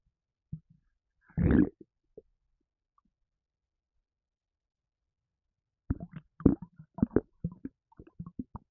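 Short gurgles and a sloshing rumble from the belly, then a run of bubbling pops; ordinary stomach gurgling after drinking.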